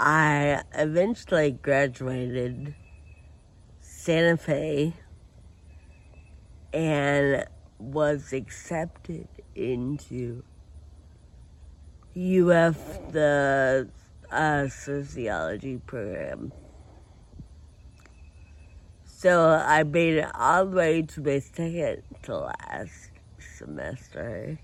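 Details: Adult woman with Friedreich ataxia who uses a wheelchair and has scoliosis with spinal rods: ataxic dysarthria (Friedreich ataxia).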